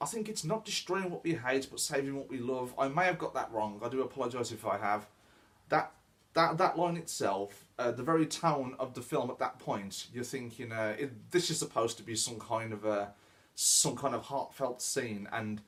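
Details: Adult man who says he stammers; repeated words in this stretch; stuttering.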